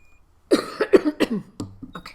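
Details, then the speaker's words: Person with bronchiectasis and NTM infection doing lung clearance with nebulized saline and a flutter oscillating PEP device, outdoors: about four to five loose, wet coughs then throat clearing, a productive cough bringing up small amounts of sputum. "i've coughed up just a little bit there and a bit more just little bits now"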